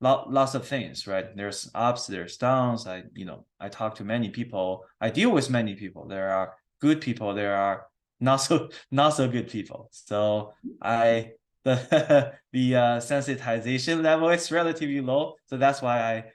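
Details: Stuttering in an adult male speaking in an interview with his speech therapist.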